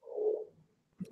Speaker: Did you hear that? That was my stomach. I was gonna say it sounded like someone's stomach.